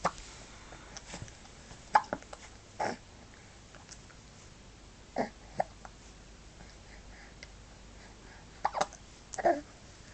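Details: Hiccups: brief, abrupt hiccup jerks every few seconds over steady background hiss.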